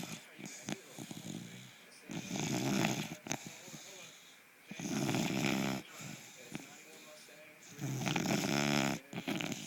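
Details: Sleeping puggle dog with an underbite, a frequent snorer: loud, rough, rattling snores in three clear episodes, with quieter breathing between them.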